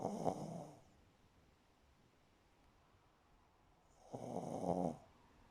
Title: The snore files 1(4)